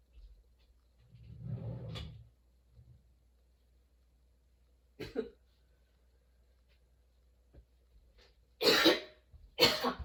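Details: Sudden-onset, nonstop coughing fit that kept worsening, bringing tears and frequent position changes: strained, breathy coughing and throat clearing building to harsh, forceful coughs at the end.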